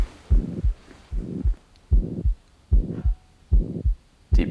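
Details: Regular heartbeat near 75 a minute with a whooshing sound filling the gap between beats, heard on chest auscultation of a patient with breath-hold and left-lateral position manoeuvres: a heart murmur.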